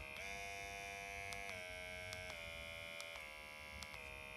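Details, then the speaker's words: Steady high-pitched motor whine of an MD Needle Pen microneedling device that steps to a different pitch several times as speed cycles through red (highest penetrations per minute), purple, dark blue, light blue and green. "so it's gonna turn red and then it's changes in colors so it's purple light dark blue light blue and green you might hear like the change in sound"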